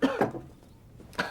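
An actress gives two quick coughs, then a third after a brief pause, in a small room.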